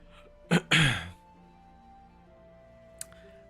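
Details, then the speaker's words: Adult man recovering from flu, nose no longer blocked, gives two rough throat-clearing coughs typical of a lingering post-flu cough; cough / throat clearing. "Excuse my voice. Excuse the coughing. I'm still sick recovering from uh, you know, from the uh, flu."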